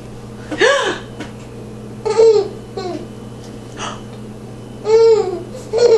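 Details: A young child's giggles and babble are interrupted by recurring sharp, abrupt voiced catches after eating sweet potatoes: hiccups.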